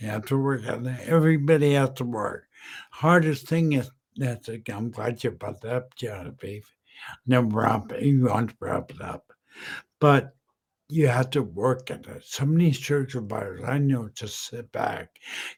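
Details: Adult man with a residual speech deficit about 10 years after a stroke; at first he could not speak and was totally unintelligible; he now speaks using strategies learned in therapy; apraxia of speech after stroke.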